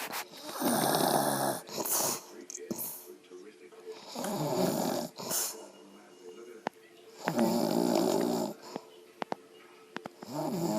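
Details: Mother snoring loudly during sleep; loud rattling snores recur every few seconds with room noise and clicks between.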